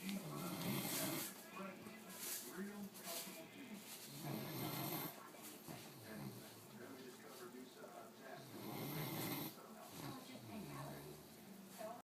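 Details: Dog snoring while asleep on a back porch. Loud, rough snoring, about five breaths in twelve seconds, with a noisy background.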